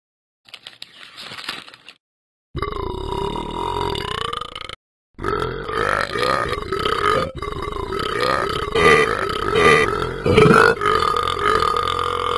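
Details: Several long, loud, voiced belches in a row with brief pauses between them; repeated burping.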